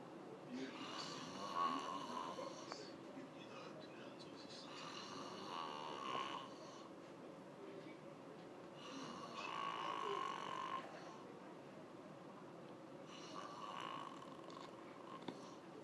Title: When people say they don't snore